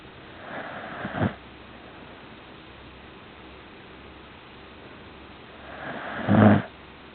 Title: Snoring puppy